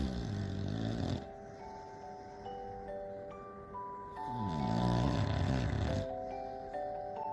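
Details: English Bulldog named Pawpaw snoring in sleep, as it does every time it sleeps: loud, low, rattling snores, partly masked by background music.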